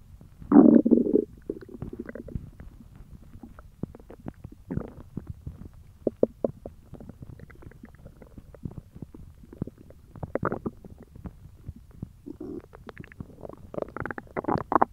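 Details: Hungry stomach noises: low gurgling and rumbling with scattered bubbling pops; normal borborygmi (stomach growling).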